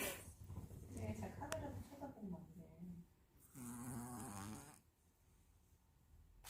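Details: Cat sleeping, with soft, low, fluttering snores, quiet gaps between breaths and faint room noise: gentle snoring during sleep.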